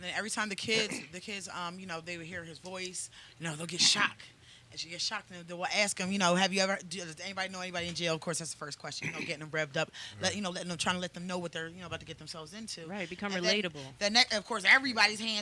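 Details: Adult speaker; Normal conversational speech.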